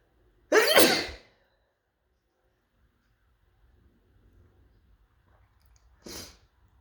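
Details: Person who feels they may be coming down with something gives a single loud, explosive sneeze, then quiet breathing and a soft exhale; sneezing.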